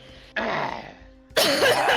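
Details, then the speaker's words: Two loud, harsh cough bursts from an adult, with a faint steady hum or music in the background: cough. "Yeah, Jesus, we're all coughing."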